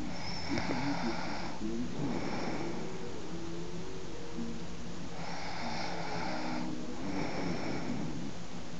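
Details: Woman snoring: steady rhythmic snores with rough noisy breaths in and out about every two to three seconds, over constant background noise.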